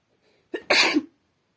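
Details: Female sneezing into a handkerchief and napkins: short indrawn breath, then one forceful, hissing burst muffled by cloth; single sneeze.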